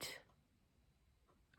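One short, sharp sneeze, followed by quiet: a sneeze during a common cold.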